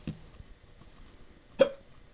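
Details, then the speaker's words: Hiccups in a man, reportedly drunk, talking on the phone: two abrupt, sharp hiccup sounds about one and a half seconds apart in a quiet room. "I have the hiccups no when when my hiccups have subsided but I'm gonna come home"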